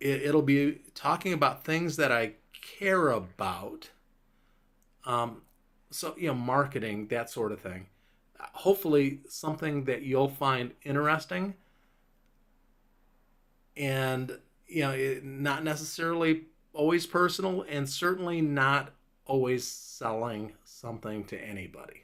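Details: Adult man five years after a stroke, with a clot in Broca's area of the left frontal lobe; largely recovered speech with word-finding difficulty, pauses, slower rate and stumbling over words; Broca's aphasia.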